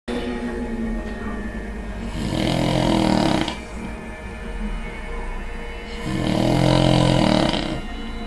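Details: Husband snoring during an afternoon nap, recorded by his wife: two loud, rough, rattling inspiratory snores over a steady background hum.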